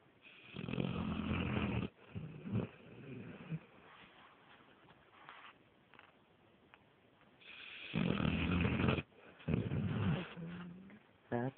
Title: My puppy snores